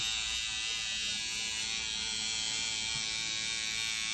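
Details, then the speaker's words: Motorized SkinPen microneedling pen with PRP buzzing steadily at high pitch while tightening the skin of the neck during a cosmetic PRP treatment session; microneedling device noise. "So she's tightening my neck right now. These are microneedlings in the neck."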